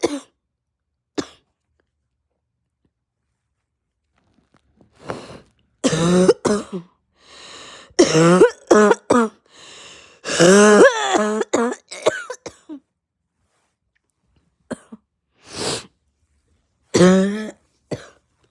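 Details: Person with pounding head, raw sore throat, heavy chest and stuffed nose: harsh, hoarse barking coughs in repeated clusters with throat clearing and strained breaths between fits, hacking nearly to vomiting; barking cough.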